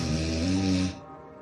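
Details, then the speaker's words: Single low, rumbling, fluttering snore on an in-breath, under a second then fading; snoring, described as narrowing of the air passage so air passes with difficulty. "então ronco na verdade é um estreitamento na passagem de ar significa que esse ar tá passando já com dificuldade"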